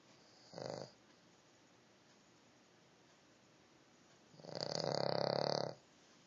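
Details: A King Charles dog snoring in sleep: a short snort, then a long fluttering snore a few seconds later, with quiet between them.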